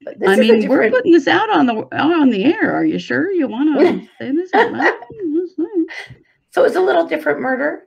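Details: Adult woman speaking; Typical voice.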